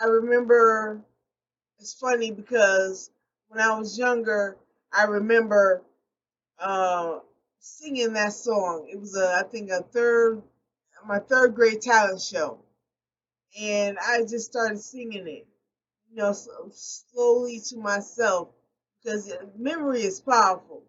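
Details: Post-stroke aphasia in an adult woman, a stroke survivor speaking unscripted and not always correcting her own errors; aphasia.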